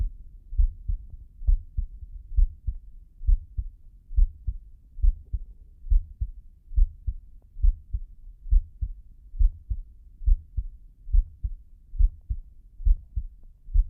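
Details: Slow heartbeat with heavy breathing: steady, low, muffled heart thumps at about 69 beats a minute with a regular rhythm.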